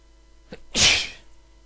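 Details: Single induced sneeze: a short indrawn breath, then one loud, hissing explosive burst fading over half a second.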